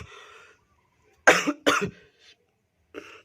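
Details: Two forceful coughs with faint breathing around them, from a person reporting chest pain and noticing red, blood-like streaks after coughing, origin unknown to them.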